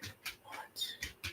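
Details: A dog gives a quick run of about five short, harsh, hacking coughs; owner describes her as choking; cough attributed to congestive heart failure.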